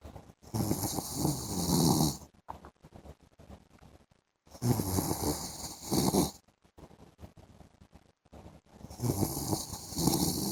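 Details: Loud rattling snores on each breath in, about 14 breaths a minute with quiet pauses, from an adult man (husband) sleeping in the afternoon; ordinary snoring.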